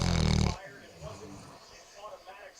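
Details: Sleeping dog gives a loud, low snore, followed by quieter soft breathing sounds; dog snoring.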